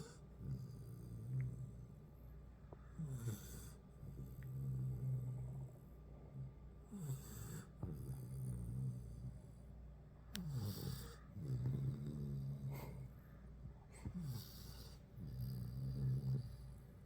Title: Cane Corso puppy and Great Dane sleeping. Hear the snoring 😆